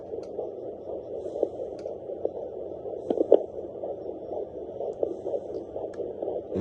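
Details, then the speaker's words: Fetal heartbeat of a puppy in a pregnant bully-breed dog, picked up by Doppler on her abdomen without pressing; rapid, regular whooshing pulses over a steady hiss, described as strong; litter estimated at four to six. "it's a strong as you can hear it. You can hear the strong heartbeat."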